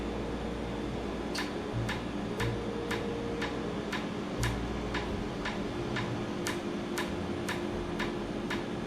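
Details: Real laser tattoo removal in a clinic, skin pre-numbed and cooled with air. Sharp regular ticks about every half second over steady machine hum and fan noise as the laser fires pulses. Patient likens it to repeated injections.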